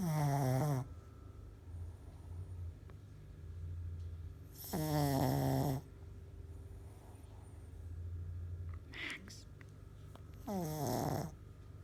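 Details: A sleeping pug snoring, three loud rasping groaning snores about six seconds apart, roughly ten per minute, with quieter breathing between; the owner says it snores like a pig.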